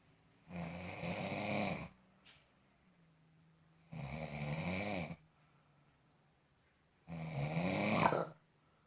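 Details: Three loud, rattling snores about three seconds apart, quiet between them, in a small room; snoring.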